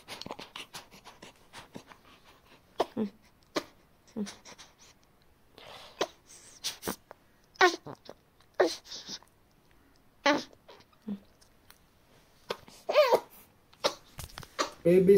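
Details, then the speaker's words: Snuffly, snorting noises from a newborn's stuffy nose, recorded by a mother who worried about wheezing or phlegm; normal newborn nasal congestion that almost all babies make, not chest congestion. "ఆ sound లో విన్నట్టు ఇలాంటి sounds వస్తుంటాయి sounds వస్తుంటాయి so babies కి ఈ sounds అన్ని normal అండి"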